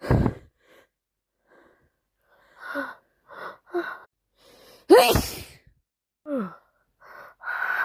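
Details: Person with a bad cold, sneezing constantly: wet sniffles and short gasping inhalations, then a loud explosive sneeze with a voiced cry, followed by more sniffing; congested cold sneezing.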